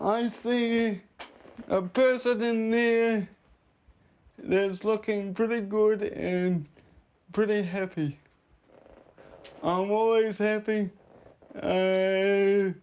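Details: Dysarthria in a 32-year-old man with cerebral palsy since birth, high-needs and dependent on 24-hour care; speech is slurred, and a caregiver says it slurs more when he is tired.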